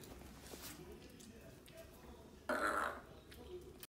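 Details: Small puppy, apparently a Yorkie, burping after meals (breakfast and dinner): a short, loud belch against quiet room noise; normal after-meal burp.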